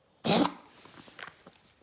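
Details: Dog coughing all night: a single harsh, loud cough burst, then faint breathing noise with a steady high background tone.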